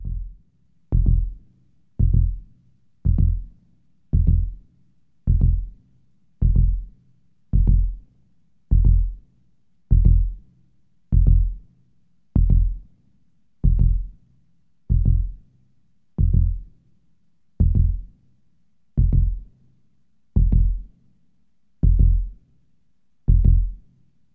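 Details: Sound-effect heartbeat: heavy, low thumps gradually slowing from about 60 to roughly 43 beats per minute; slowing heartbeat.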